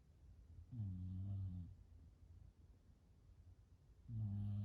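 Two low, rumbling snores with a quiet breathing gap between them, about one snore every three seconds; ordinary snoring.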